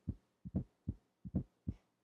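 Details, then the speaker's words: Teaching demo for chest pain: triple rhythm about 75 a minute, soft extra sound before S1 with "Tennessee" cadence; S4 gallop, from blood forced into a non-compliant left ventricle, e.g. active ischemia. "you can remember the sound of an s4 by remembering that it has the same cadence as the word tennessee where 10 is the extra heart sound let's listen"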